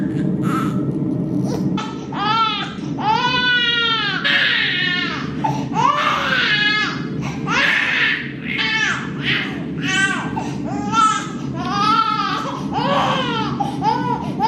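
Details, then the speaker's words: 3-month-old baby girl crying in the evening while mother pumps a bottle, screaming despite being held and offered a pacifier: sustained loud rhythmic crying bursts with rising and falling pitch; infant crying. "or she just acts like that like even when we hold her try to put her pacifier in she'll still just like sometimes scream like that so"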